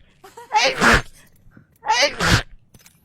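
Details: Sneezing: two forceful sneezes, each with a short in-drawn catch then an explosive burst.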